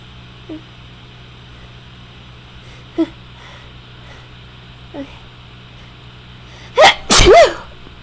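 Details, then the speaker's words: A person with bad allergies from cats, dust and dander in a new home induces stuck sneezes with pepper: three faint catching breaths build up, then two loud sneezes close together near the end, over a low room hum. "Alright, so I came back and have pepper with me, which makes my nose very tickly. And I'm gonna try to induce with some pepper."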